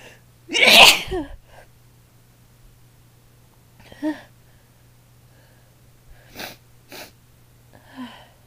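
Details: Adult female sneezing, induced with chhinkni, one of 22 sneezes in the session: one loud, explosive sneeze followed by sniffs and quiet breaths; a single sneeze.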